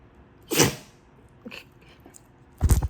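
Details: Puppy sneezing: two quick, sharp bursts of air about two seconds apart with a faint snuffle between them.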